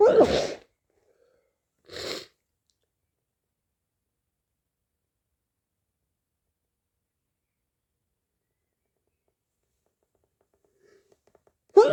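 Three loud, sudden sneezes spread over about twelve seconds, the second softer; sneezing with hay fever.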